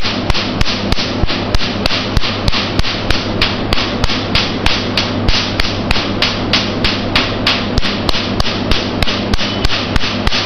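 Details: Q-switched Nd:YAG tattoo removal laser machine in use: regular sharp snapping pulses at about 194 per minute over a loud steady machine hiss.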